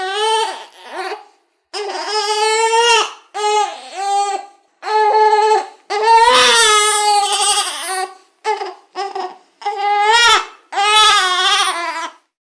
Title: One month old baby crying sound Effect